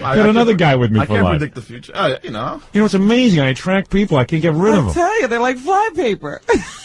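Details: Adult male speaker; ordinary fluent speech.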